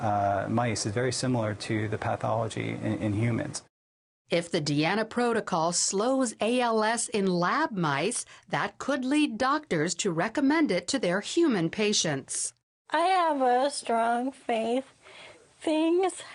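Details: Adult female news narrator; Normal speech.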